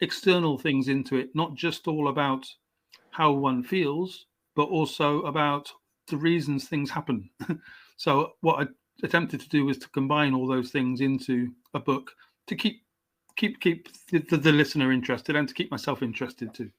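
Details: Adult male English writer, stammering since age five; stammer comes and goes, had speech therapy at 29; stuttering.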